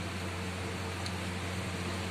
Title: how to use the latest model of oxygen concentrator